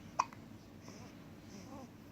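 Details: A 3-week-old baby who gets hiccups every time after drinking milk gives a single short, sharp hiccup, then soft background sounds; infant hiccups.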